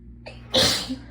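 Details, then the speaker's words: Single sharp, explosive sneeze after a short breathy intake, part of a sneezing fit while sitting in cold bath water; the person says they get sneezy when cold or tired, fits lasting until warming up. "i usually sneeze a ton but also oh there we go um i tend to get uh very sneezy as well"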